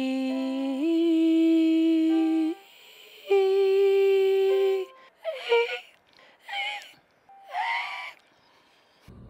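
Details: 35-year-old woman with a vocal cord polyp; more air leak as pitch rises, then voice onset delay, then pitch breaks; breathy voice with voice onset delay and pitch breaks.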